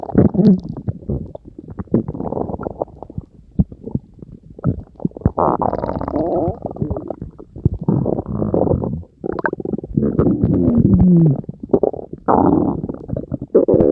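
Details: Stomach growling (borborygmi): loud gurgling and rumbling bowel sounds in repeated bursts, some with squeaky tones.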